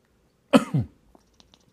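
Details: A single short, sharp human cough in a quiet room, to which a cat responds, followed by faint small noises.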